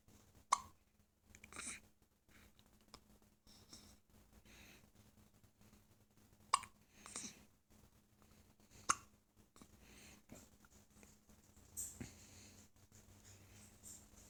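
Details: Three sharp, brief catching sounds a few seconds apart over quiet room background: infant hiccups.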